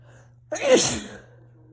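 A single sharp, explosive sneeze with a quick breath-in beforehand, against quiet room noise.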